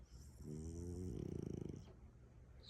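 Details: Sleeping French bulldog snoring sweetly, eyes open while asleep.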